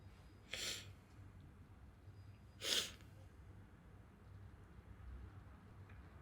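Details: Two short, hissing sneezes a couple of seconds apart over steady room hum.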